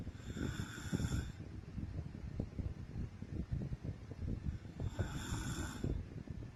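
Low rattling snore on each breath, about two breaths in six seconds, with soft snorts between; ordinary sleep snoring.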